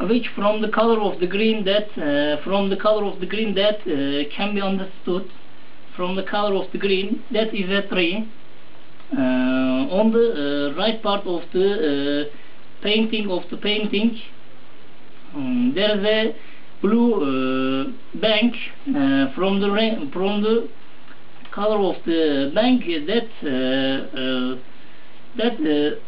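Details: Interviewee describing a picture during an interview; finding: Wernicke's aphasia.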